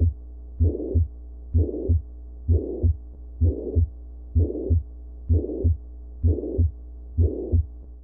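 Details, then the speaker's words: Real heart recording, 76-year-old woman with breathlessness: regular heartbeat about 64 a minute with blowing pansystolic murmur filling systole, radiating to the left axilla; mitral regurgitation. "Mona re na le pansystolic murmur e leng radiates ho axilla. Ye ke go boela morago ga mitral."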